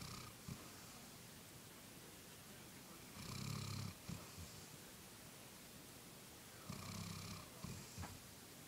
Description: A golden retriever named Samantha snoring :)